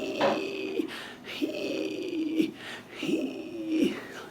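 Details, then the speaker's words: Clinician's vocal imitation of a prolonged, high whistling expiratory wheeze heard in a young boy's lungs; he has had breathing trouble worsening since last night, with chest retractions; RSV is suspected; simulated expiratory wheeze. "That's my demo of expiratory wheeze. You like that?"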